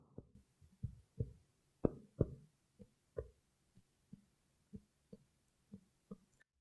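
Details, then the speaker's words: Chest percussion tapped down the back of a male patient: a hollow resonant note over air-filled lung gives way to shorter, flatter dull taps where the lung ends. "remember the lung is an air filled organ so an air filled organ if I tap it will make a sound called resonance this is what it sounds like that's resonance now if I tapped a solid organ it would sound foreign"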